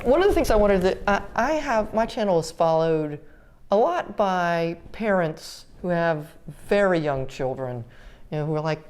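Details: 30-year-old woman with GMFCS Level 4 cerebral palsy, quadriplegia with an athetoid component affecting arms, legs and trunk, uses a power wheelchair, repeated eye and hip surgeries; dysarthria (cerebral palsy).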